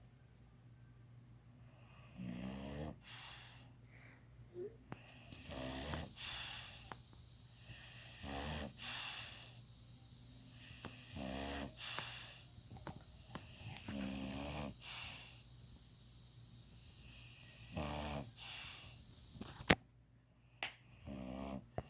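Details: Snoring: repeated rasping, snorting breaths every one to two seconds, some with a whistling edge, in a quiet room; steady snoring.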